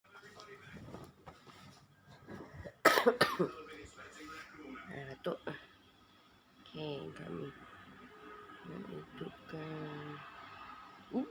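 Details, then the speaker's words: Several short cough bursts between quiet talk and game sounds from someone with a husky voice from a week-long flu cough, recorded while playing Gardenscapes; ordinary cough. "Suara garau sebab batuk flu dah seminggu dah."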